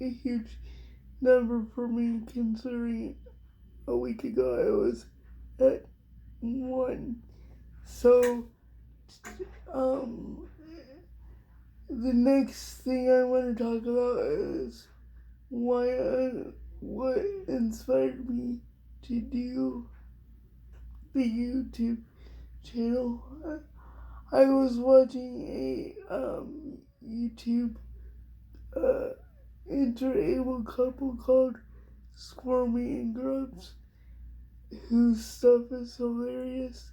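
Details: Adult woman with cerebral palsy diagnosed at 6 months, level 4 or 5 by her own estimate, affecting her whole body including her speech somewhat and her hands; also has dystonia; dysarthria (cerebral palsy).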